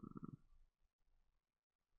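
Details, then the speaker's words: A person remarks that their stomach is growling like crazy: a short, loud gurgling rumble with pulsing low tones, fading into faint low grumbles, which is stomach growling (borborygmi). "oh my gosh it she knows and my stomachs growling like crazy"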